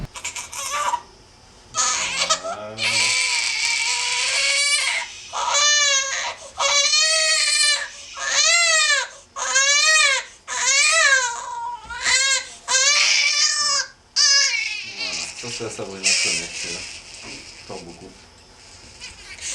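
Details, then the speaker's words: A young child in a hospital pediatric setting cries during chest respiratory physiotherapy that was filmed to assess procedural pain: repeated wailing cries with rising and falling pitch, separated by brief pauses and whimpers. "ici il pleure et qu'on peut pas faire autrement il faut faire la séance il faut faire la séance et puis c'est tout"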